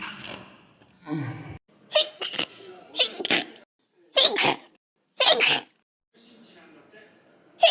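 Several short, sharp sneeze bursts separated by pauses, with faint talk around them.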